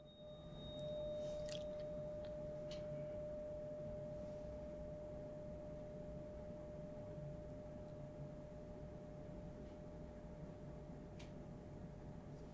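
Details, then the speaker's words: Simulated tuning-fork hearing test in an acted ASMR full-body medical exam: after a 256 Hz fork, a single steady, high-pitched tuning fork tone rings evenly, and high, low and mid tones are all heard clearly. "there we go good so everything came in clearly right good it wasn't a strain to hear any of those wonderful so High sounds low sounds midtone all good"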